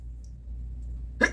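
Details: Acted hiccup in a comedy skit about a bad case of hiccups: a single short, abrupt voiced hiccup after quiet room noise. Hiccup.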